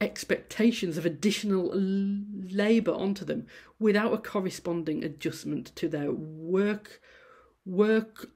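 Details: Adult female university lecturer who stammers, giving a presentation, with sound repetitions and prolongations; stammering.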